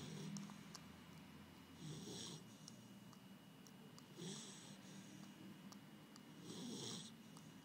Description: Sleeping snores.